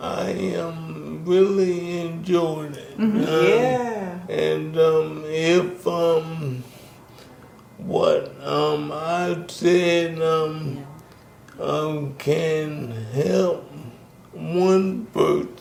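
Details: Dysarthria in a 63-year-old man with ALS, diagnosed in 2020 after first symptoms in 2017; the disease first affected his speech, starting with a raspy voice.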